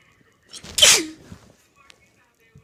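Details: Messy, snotty sneezing on a bed: a single forceful, wet sneeze with a brief in-breath before it.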